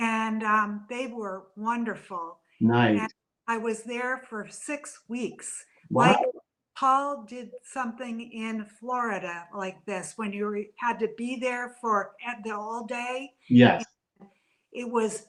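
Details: Adult woman with aphasia after a stroke from a brain AVM about three to four years earlier; still in speech therapy.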